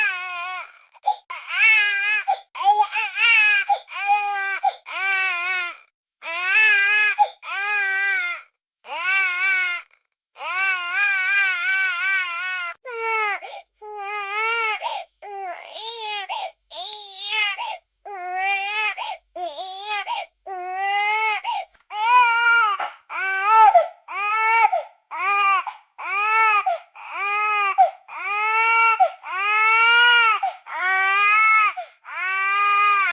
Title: Newborn Baby Crying Sound Effect